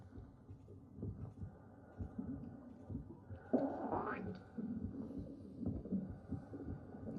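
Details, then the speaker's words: Sound heard by a fetus in the womb from about four and a half months after conception: muffled low rumbling and a rising watery gurgle, with heartbeat, breathing and maternal stomach gurgling. "what you're listening to is the sound of the baby here is in the womb all the time 24 hours a day heartbeat breathing and stomach gurgling"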